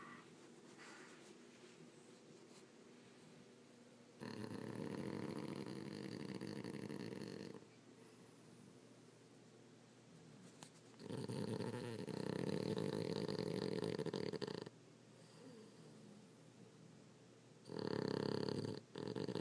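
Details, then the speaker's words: Pug dog snoring in deep sleep: three loud, rasping snores, each lasting about three seconds, separated by quieter breathing, before the dog wakes. "You're awake. You can stop snoring now, buddy."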